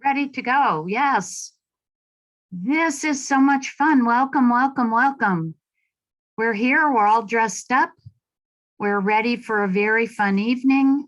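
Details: Adult woman speaking; Normal adult speech.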